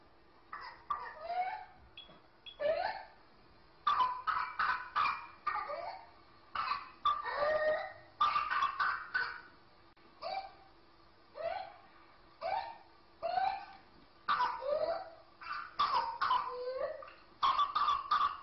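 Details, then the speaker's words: Whooping cough (pertussis) in a child: runs of rapid, short, paroxysmal spasmodic coughs without full inhalation, each broken by a forceful, high, rooster-crow-like inspiratory whoop. "咳的时候，由于他连续咳嗽，一直不能充足的吸气，所以在中间咳嗽间断的时候，他会拼命的使劲的吸气，这样出现了鸡鸣样的回声。"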